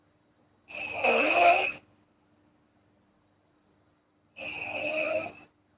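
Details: Girl snoring while asleep: two rattling snores, each about a second long and nearly four seconds apart, against a silent background.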